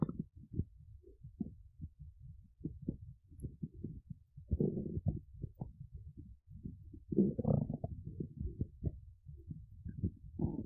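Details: Irregular low gurgles, squelches and rolling rumbles from an adult woman's hungry, empty, hollow belly, louder bursts mid-clip; hunger borborygmi (stomach rumbling).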